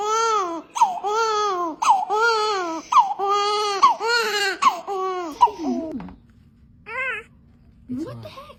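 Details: Newborn boy just delivered, already strong and moving his head; rhythmic, strong bursts of crying at about one a second, fading to quieter whimpers: vigorous newborn cry.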